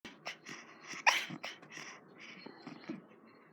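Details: Heidi, a dog, snoring noisily in her sleep: quick, rough, snuffling breaths with a wheezy hiss in a quiet room.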